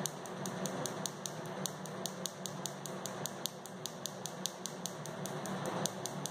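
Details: First session of Nd:YAG laser tattoo removal: rapid sharp clicking snaps, about 150 a minute, over room hum, from the laser pulses.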